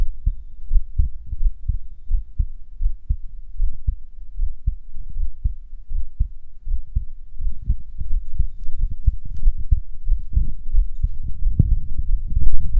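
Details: Strong, regular low pounding heartbeat thumps with rougher, heavy breathing building toward the end; pounding heartbeat with heavy breathing.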